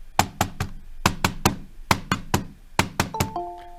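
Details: Knocked triplets repeat in a gallop rhythm, an extra beat immediately before the first heart sound, imitating an S4 gallop in a discussion of left ventricular hypertrophy; brief electronic tones at the end.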